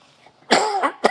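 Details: A harsh cough burst followed by a short second burst, with some throat-clearing quality; adult man coughing while speaking animatedly at a public forum.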